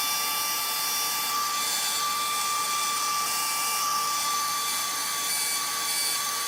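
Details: Steady high-pitched motor whine with a hissing rush from an atherectomy catheter running on activation during a live endovascular case, after being advanced slowly about one centimetre at the re-entry point.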